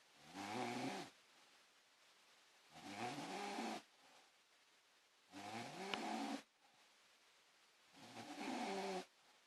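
Four long, loud, rattling breath sounds, about 23 a minute, with quiet gaps between them: steady snoring during sleep.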